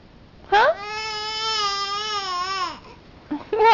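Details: A sustained, clear wail of about two seconds with short vocal bursts before and after, from a baby girl with hiccups, dogs in the room; infant cry.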